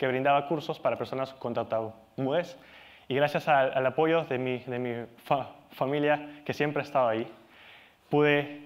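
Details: Adult Peruvian male, Spanish speaker, stuttering since age 4, still stutters and has accepted it; stuttering.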